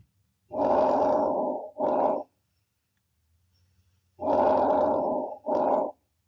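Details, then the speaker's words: Normal vesicular breath sounds: two soft rustling breaths, each inhalation longer and louder than exhalation, heard throughout the lung fields, indicating unobstructed airflow in airways and alveoli. "it is characterized by Soft gentle rustling sounds during inhalation which is slightly longer and louder than exhalation these sounds occur throughout the lung field and indicate unobstructed airflow in the Airways and alveoli"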